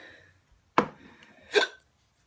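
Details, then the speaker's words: Person with very bad hiccups before trying a home cure: two abrupt, sharp hiccups about a second apart in a quiet room. "okay so I have the hiccups really really really bad like really bad hold on you can be able to hear him in a second"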